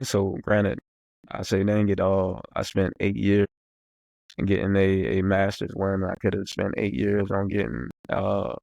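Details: Adult man who stutters, speaking on a podcast about stuttering and job interviews, mentioning getting stuck while speaking; stuttering.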